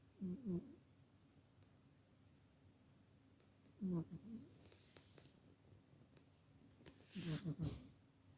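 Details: Cat snoring, owner wonders whether it is normal since it sounds human-like: soft, low, fluttering snores every few seconds in a quiet room.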